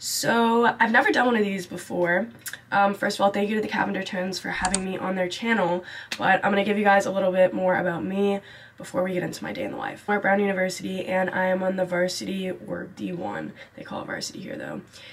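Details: Young adult woman speaking; Normal voice.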